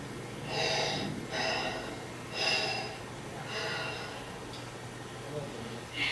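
Four slow, smooth, unobstructed breaths in and out, demonstrated deliberately by an adult, without wheeze; normal easy breathing through open airways.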